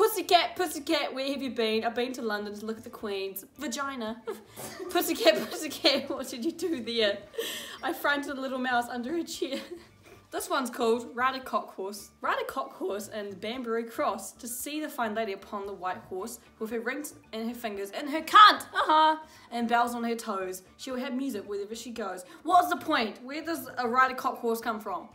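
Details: Teenager with Tourette syndrome reading aloud, interrupted by involuntary vocal tics including swearing and inserted words and phrases.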